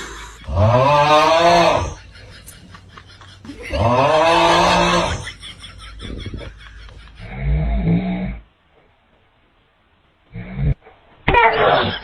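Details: Father snoring heavily near a baby; loud, rough, vibrating snores on inhaling, roughly every three seconds, with quieter sounds and a brief child's voice afterward.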